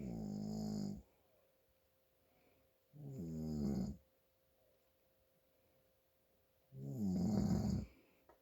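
Three loud, rattling snores about every three to four seconds, roughly 20 a minute, with quiet pauses between; snoring with nasal congestion.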